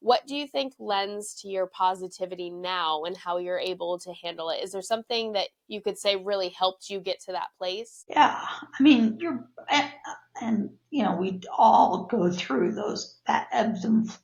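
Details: Adult woman with neurological spasmodic dysphonia of no known cause, with abductor and adductor features that worsen with stress; breathy breaks and cut-off vowels; spasmodic dysphonia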